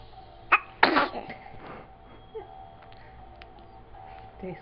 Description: First recorded sneeze.